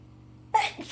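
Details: One sharp, forceful burst of air with a voiced onset after a quiet room hum, from a person with a cold on its worst day: a sneeze.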